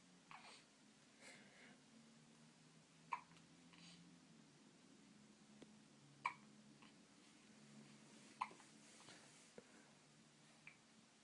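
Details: Sharp, brief hiccup clicks every two to three seconds, about four in eleven seconds, over faint room hum; hiccups on day 19 of a recorded episode.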